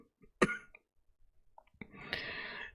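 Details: One sharp single cough, then a harsh cough with longer raspy throat clearing, from a streamer coughing repeatedly during a Saturday live stream.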